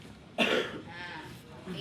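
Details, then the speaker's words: Assisted cough as taught for children with progressive muscular dystrophy, mouth closed then opened while abdomen is pressed: one short, weak cough followed by a faint exhaled voice. "Tutup mulutnya. Batu kuat. Tekan perutnya, sayang. Buka."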